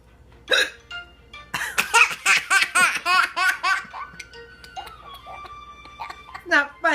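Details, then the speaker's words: Mother's hiccups, heard as short sharp catches, with a baby's bursts of laughter between them and faint background sound; hiccups. "stop making fun of my hiccups man oh do you want some of this"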